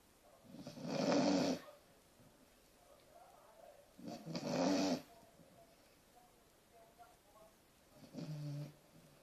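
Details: Dog asleep in a hallway after a morning walk, snoring again after being briefly woken: three loud, rough snores with quiet pauses between, about 17 a minute.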